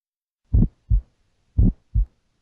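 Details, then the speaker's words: Ejection click in a teaching heart examination with the patient lying back: slow, regular heartbeat about 57/min with a sharp, high-pitched early systolic click just after S1, from faulty semilunar valve opening. "clicks are high-pitched and result from faulty opening of the semilunar valves"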